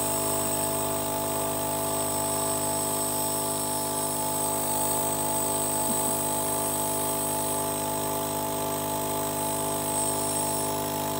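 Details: Nebulizer compressor running during an asthma breathing treatment: continuous motor hum with an airy hiss.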